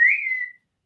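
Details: Adult man with Tourette syndrome, with involuntary whistling vocal tics that also occur while drifting off to sleep. Whistling vocal tic.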